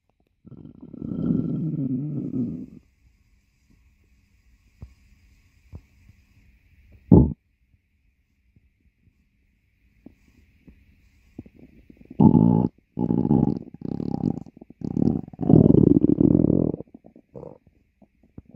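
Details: Low gurgling rumbles in two bursts from a dog's belly, gas and fluid moving through the gut: stomach growling (borborygmi).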